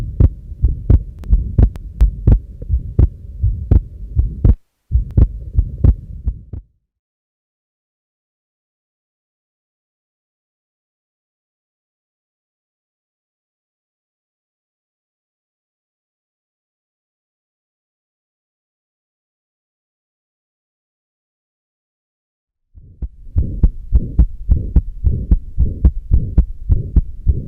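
Regular heartbeats with a low hum between them and a long silent gap: a short systolic murmur with widely split second sound of atrial septal defect.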